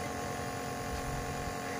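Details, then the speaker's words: Infant with cough and cold for 5 days, partly improved after syrup, receiving nebulizer therapy: the steady mechanical hum and buzz of the small compressor turning liquid medicine into a mist to inhale. "Nebulizer adalah alat untuk mengubah-ubah dalam bentuk cairan menjadi uap yang dihirup"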